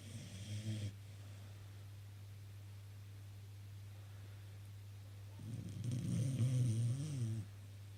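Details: Two slow, low rumbling snores from a sleeping dog, separated by a quiet pause, over a steady low hum; ordinary snoring.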